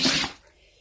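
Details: One sharp, hissing sneeze from a dog, a quick explosive burst of air fading within a second, during a prolonged sneezing bout.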